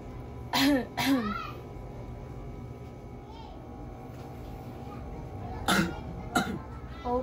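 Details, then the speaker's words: Two pairs of deliberate, forceful coughs with a steady hum behind; a simulated nurse-patient role-play of a voluntary coughing exercise, breathing in through the nose while holding a pillow for support, to help clear the lungs. "so now i suggest you hold a pillow which will provide support and elevate some discomfort you will do it like this start off by breathing through your nose and cuff twice"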